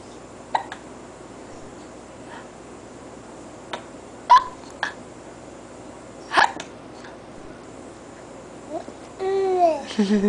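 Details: An infant gives a run of short, sharp hiccups, then a brief babbling coo; ordinary infant hiccups.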